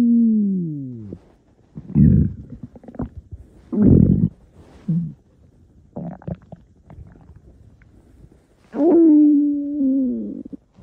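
Low gurgling rumbles and drawn-out groaning tones from the belly, coming in bursts with quiet gaps: ordinary stomach growling.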